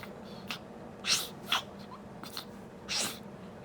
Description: Baby to Sneezing for the first time.